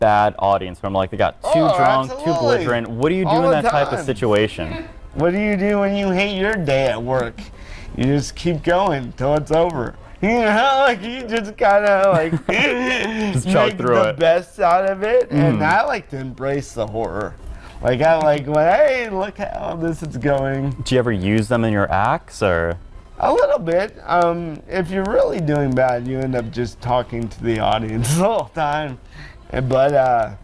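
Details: Dysarthria in an adult man born with cerebral palsy.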